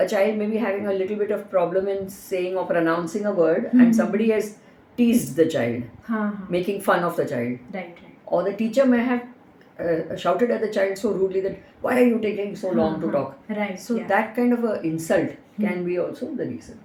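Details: Adult woman speaking; no speech disorder.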